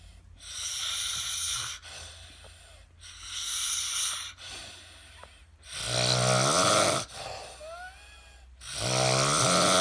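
Four noisy breaths about 21 per minute, the last two with a loud, buzzing, rattly voiced quality: snoring.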